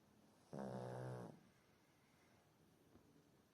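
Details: A person snoring loudly: a single loud, deep, buzzing snore under a second long, followed by quiet breathing; loud snoring.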